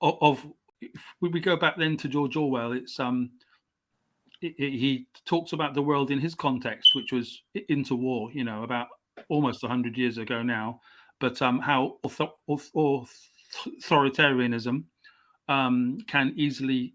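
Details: Adult male English writer, stammering since age five; stammer comes and goes, had speech therapy at 29; stuttering.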